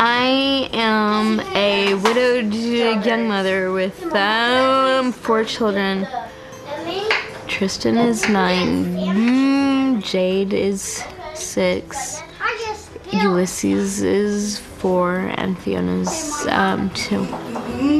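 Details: Adult woman with cerebral palsy present since birth, right side weaker than left, and a self-described stutter; stuttering with dysarthria (cerebral palsy).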